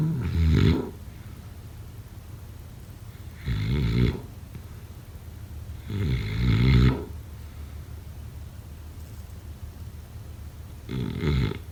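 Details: Snoring during sleep, sound-effect/ASMR recording: four low, rattling snores at regular intervals of about three and a half seconds, with quiet breathing between them.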